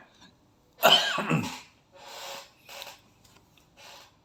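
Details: Whooping cough (pertussis) fit: a harsh cough burst followed by noisy, drawn-in whooping breaths and another cough.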